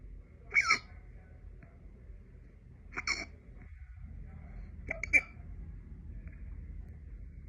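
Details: Late-night repeated hiccups: three sharp, brief hiccup sounds spaced a few seconds apart in a quiet room; hiccups.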